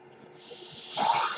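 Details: Man's mechanical ventilator cycling audibly in the background as he speaks; mechanical ventilator breath cycle.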